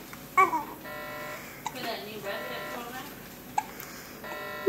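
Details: Baby girl sitting on a bed, babbling, with about three sudden, sharp hiccups in under five seconds; adult voice talking to her nearby.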